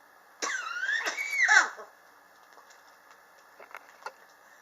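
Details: Chronic cough since summer 2016, still present in 2019, not helped by medicine or home remedies; the patient blames extreme temperature changes in a high-rise building. Three harsh coughs in quick succession with a raspy, strained throat, then quiet.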